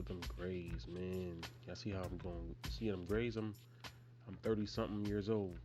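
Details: Stuttering in an adult man in his 30s who has stuttered since early childhood and still does.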